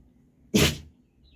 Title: Dog Sneezing Video||Funny And Cute Sneezing Dog||@usdearanimal